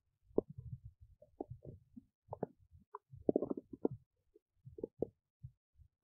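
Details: Belly noises from a woman digesting oats: quiet, irregular gurgles, squelches and pops, normal bowel sounds of digestion.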